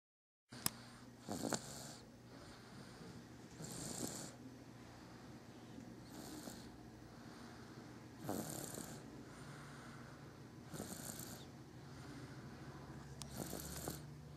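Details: Baby snoring during sleep: soft, regular snoring breaths with a faint hiss on each breath, about 25 a minute, over low room noise.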